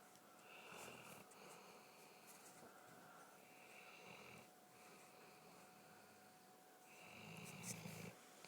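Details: Snoring quietly; about three soft, rattling rhythmic snoring breaths over eight seconds against a steady room hum.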